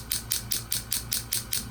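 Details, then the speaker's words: Low-level shockwave therapy device: rapid regular clicking about five pulses per second with a low hum. It treats chronic right ankle pain with an MRI-confirmed partial tear of a lateral ankle tendon, complementing PRP injections; the patient feels better eight days in. "I also recommended several sessions of low-level shockwave therapy which is exactly what we're doing today"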